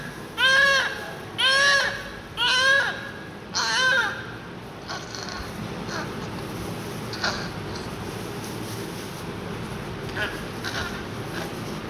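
Four short, rhythmic wailing cries about a second apart, then quieter fussing over steady room noise; an ordinary newborn cry.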